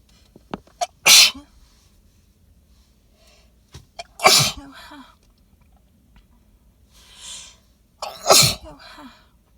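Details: Three loud, wet sneezes into cupped hands, each after a short catching breath, recorded in a car after smelling pollen-laden flowers; the person suspects allergy or sensitivity to these flowers. Sneezing.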